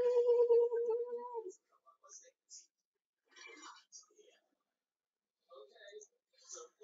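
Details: Vocal tics of Tourette syndrome, heard as strange noises cropping up during gaming commentary; the patient states they have Tourette syndrome.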